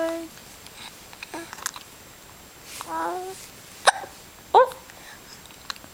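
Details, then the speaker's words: Young child with hiccups while mother sings a morning prayer song: a quiet room, the child's faint voice, and two abrupt, sharp catches in the breath with a brief squeak about a second apart. "Oh, jeez. Hiccups are coming strong."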